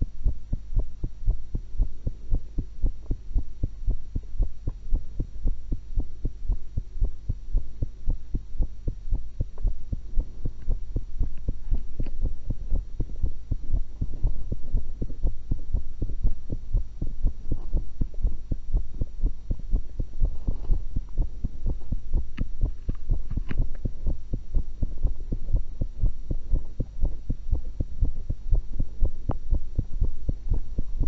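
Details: Own heart sounds recorded with a stethoscope after eating one apple and one cucumber; steady low heartbeat thumps over a constant low hum. Normal heart sounds.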